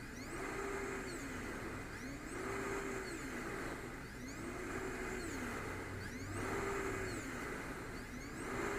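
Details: A small travel CPAP machine (DreamStation GO, AirMini or Transcend) running at 10 cmH2O with flex 3: a steady blower hiss with a motor pitch rising and falling every two seconds.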